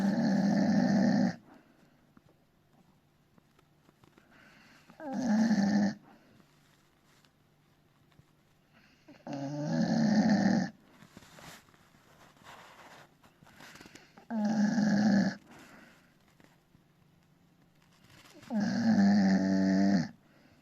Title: Rogue...My dog is peacefully napping ! #napping #bullterrier #puppy #rogue #dog #funny #snore